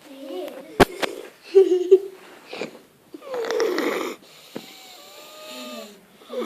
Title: Sleeping upside down snoring